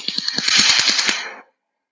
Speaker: you will hear that it will start cutting by the by a beep of the system but then clearly you will hear the tiny micro explosions that i've been talking about that will create the cut line